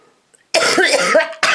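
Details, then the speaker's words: Two harsh, forceful coughs close together, the first drawn out and throaty, from a person unwell for several days with a lingering cold and a bad chest. "sorry guys I need to do it again oh sorry about that"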